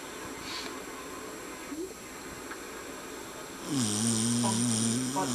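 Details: The family dog snores very loudly with a rough snore with a tonal, whistling edge, over room noise, television sound and people playing a video game.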